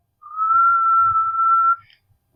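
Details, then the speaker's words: Lung sound example for nurses: a wheeze, a steady high-pitched musical whistle lasting about one and a half seconds, as air passes through narrowed airways. "ऐसा है एक ध्वनि जो उच्च pitch का अर्थ है, यह संगीतमय कार्यक्रम है और ऐसा लगता है कि कुछ संकीर्ण वायुमार्ग हवा को गुजरने दें"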